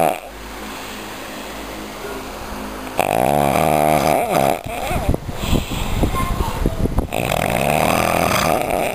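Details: Loud, rough, rattling snore starting abruptly after a quieter stretch, with background hum and room noise, recorded during an outing in Cachoeiras de Macacu: snoring.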